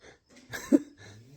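A single short, soft cough in a quiet room.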